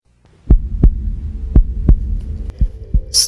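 Slow, steady heartbeat with paired lub-dub thumps at about 56 beats a minute over a low hum.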